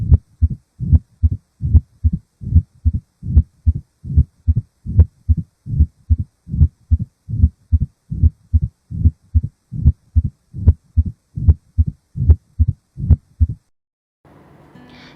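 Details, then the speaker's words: Regular low-pitched heartbeat near 74 a minute with a low crescendo diastolic rumble, loud S1, limited to the apex, clearer supine or in lateral position; organic mitral stenosis murmur. "mitral stenosis an organic murmur will be heard it is a mild or diastolic low pitches lumbrin and a crescendo murmur with large s1 and the thrill it is limited at the apex of heart"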